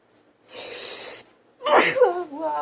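A hissing in-breath, a pause, then a sudden explosive burst that trails into voiced sound. A single sneeze.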